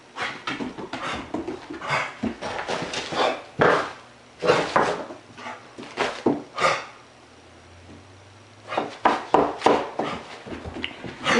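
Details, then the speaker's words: A female pit bull mix dog gives runs of short, harsh, wheezy coughing bursts in a small room, with a pause midway; the owner says she coughs only when excited: dog cough. "sure how well you guys can hear that but that's the coughing that I've been talking about from Yuki um and again like I said and like you saw it's only when she gets excited"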